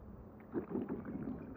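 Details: Loud stomach rumbles recorded without a microphone at night: a short, loud, low gurgling rumble from the belly; stomach growling (borborygmi).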